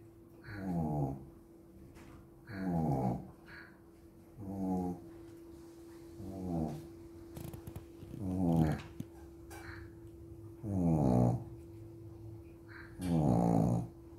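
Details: Snoring during sleep: regular rumbling snores on each breath in, about 28 a minute, in a quiet room.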